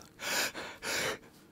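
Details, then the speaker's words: Simulated shortness of breath by an English teacher describing lung disease symptoms: two quick, loud, airy breaths in a row. "most lung diseases have similar symptoms coughing wheezing loss of breath"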